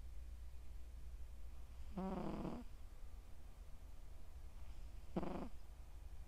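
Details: Sleeping male Scottish Straight cat, born July 2020, snoring loudly: rough, rumbling or rattling breaths a few seconds apart over a steady low room hum.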